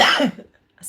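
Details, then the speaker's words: Adult with a lingering cough, says she is better: single harsh loud cough fading quickly, then quiet; cough. "got this pesky little cough i sound like i'm dying all the time but i'm okay i'm better"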